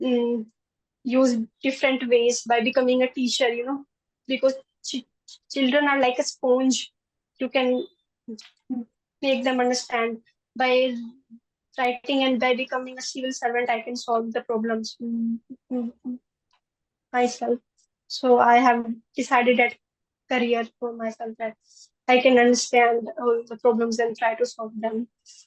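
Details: Stuttering in a 20-year-old woman who began stammering around age 4, stammers more in public than with family, and had speech therapy in class 10.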